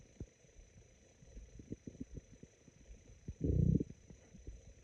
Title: Very sparse and raspy stomach growls